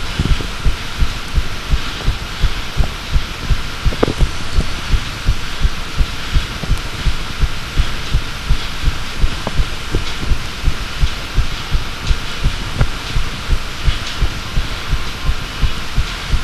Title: Second heartbeat recording